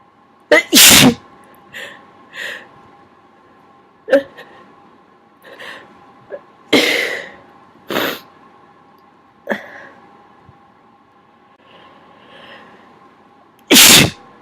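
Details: Repeated sneezing provoked with a q-tip: about four sharp, explosive sneezes with softer catching breaths between, over a steady background hum.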